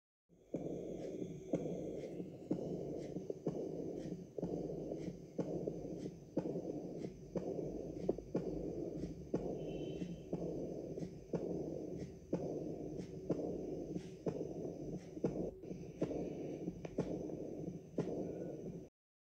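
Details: Aortic regurgitation murmur: regular heartbeat near 60 per minute with a soft blowing murmur after each beat.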